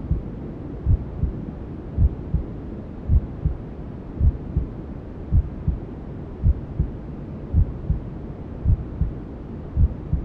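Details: Sleep sound for newborns: soft, regular thudding heartbeat near 54 a minute under a constant hiss of white noise, imitating the mother's heartbeat and sounds heard from inside the womb.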